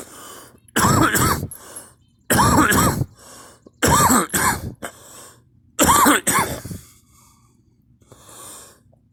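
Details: Person who reports vomiting several times with nothing in the stomach: four loud, harsh coughing bouts, each with several rapid bursts and throaty strain, separated by brief quiet pauses.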